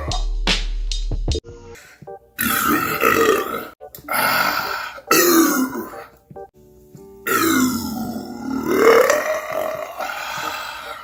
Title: most craziest Burps #Burp #funny #stupid